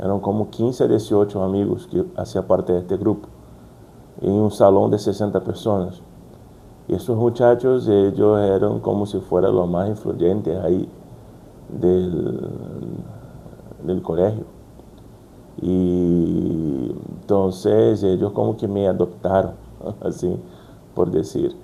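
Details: Brazilian adult man with stuttering since childhood, working to overcome it, speaking Spanish as a second language; stuttering.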